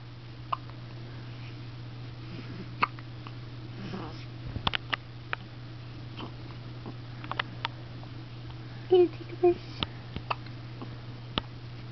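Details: Monkey hiccupping; hiccups.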